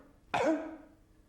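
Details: One harsh, barking, seal-like cough with a brief hoarse tail, imitated by an adult to demonstrate croup (commonly parainfluenza or RSV in children); barking cough (croup).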